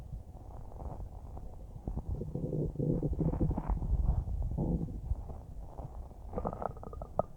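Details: Rumbling, bubbling gurgles rising and falling, then small gentle gurgles, recorded from a person's stomach about a minute after finishing a huge bowl of spaghetti: normal bowel sounds.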